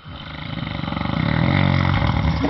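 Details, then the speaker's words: A loud, low, rattling snore that builds over a single in-breath, played as a snoring example on a health program about snoring and obstructive sleep apnea-hypopnea syndrome. "相信你们还有电视机前的各位观众朋友们都听出来了，是什么声音啊？打呼噜。"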